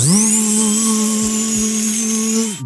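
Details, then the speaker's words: Steady high-pitched whine of a high-speed dental drill for about two and a half seconds, then winding down, played as an example of a sound that causes dental anxiety. "New dental offices these days are adapting to try to improve the sensory experience for patients because we're well aware that nobody really enjoys the sound of a dental drill."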